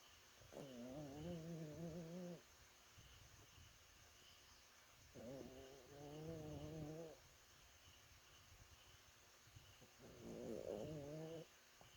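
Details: Person snoring: three long, tonal, vibrating sounds about 5 seconds apart with quiet gaps between, roughly 12 a minute.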